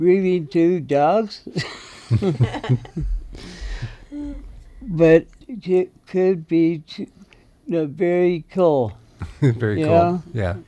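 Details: Aphasia in a male veteran who belongs to an aphasia group and receives treatment at the VA; recorded speaking in an interview.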